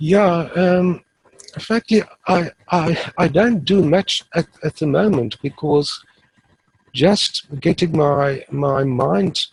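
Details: Adult male who has stuttered since about age 3 or 4, now using the passive airflow technique and reporting being fairly fluent; stuttering may be mild or not heard in this stretch.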